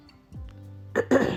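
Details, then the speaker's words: Cough/throat clearing from a woman with a cold: brief, harsh throat clearing or small cough bursts over faint background hum, in a soft-spoken ASMR recording. "I'm trying to be as softspoken as my coughing self could handle and I'm going to ASMR the living F out of it"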